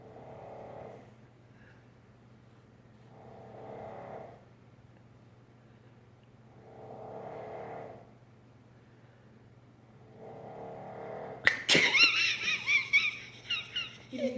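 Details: Adult man snoring upstairs: four slow, regular snores about 3 seconds apart, roughly 20 a minute, then a sharp loud noise cuts in.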